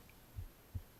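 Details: An adult's own normal heartbeat recorded on the left side of the chest during ASMR book reading: two soft, low lub-dub thumps with a quiet hum beneath, then a brief burst of voice.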